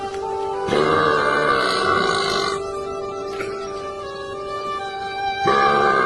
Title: Funny guy Burping At Cows